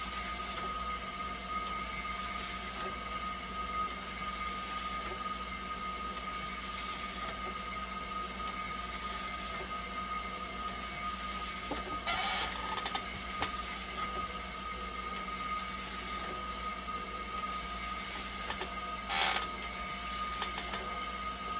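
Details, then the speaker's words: Steady mechanical hum with a constant tone and occasional clicks: a hemodialysis machine running a self-test after a part was replaced to fix a flow error, with temperature and conductivity stabilizing. "Hintayin natin yung temperature para malaman natin kung may flower c yan nag stable na siya testin naman natin para malaman natin kung magp flow error pa rin"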